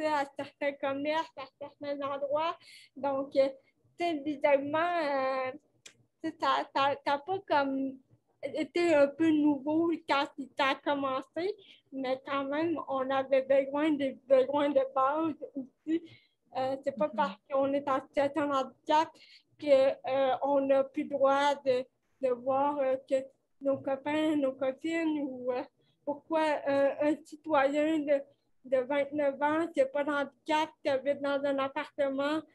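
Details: Dysarthria in cerebral palsy in a 29-year-old woman, caused by lack of oxygen at birth; she appears to mention speech difficulties; real conversational French speech.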